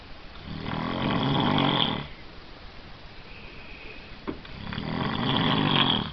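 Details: Adult man (Steven) snoring in sleep: two long, harsh, rattling breaths separated by a quiet pause; ordinary snoring.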